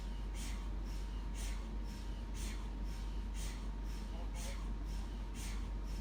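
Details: Steady low hum with regular rhythmic pulsing about once a second, typical of an MRI scanner running a sequence; a looped recording for relaxation.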